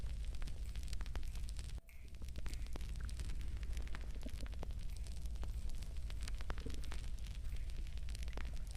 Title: stomach growling after drinking water